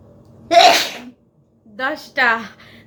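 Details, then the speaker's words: One forceful, explosive sneeze deliberately provoked by poking a stick in the nose, part of a woman's ten-sneeze challenge, followed by brief voiced sounds; sneeze. "Seasoning challenge. চলো, কটা হাঁচি আমি দিতে পারি দেখো।"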